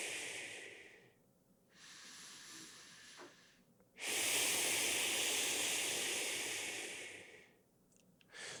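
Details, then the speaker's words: Breath training with a Relaxator resistance device set to level 5, held in the mouth: soft nasal inhales, then a long hissing exhale forced through its small opening, slow controlled resistive breathing. "what I'm doing right now is breathing in through my nasal cavity, through my nostrils, and I'm breathing out through the relaxator. And the sound that you hear is it being forced through this small space in this device."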